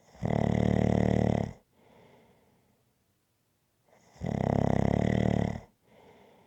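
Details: Long, loud, vibrating snores on each in-breath alternating with quiet out-breaths, roughly every four seconds; rhythmic snoring from an ASMR snoring-sounds recording.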